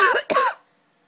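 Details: Two quick, deliberate forced cough bursts from an adult, with no sign of illness; the owner says their cat Gabby gets annoyed by coughing: voluntary cough.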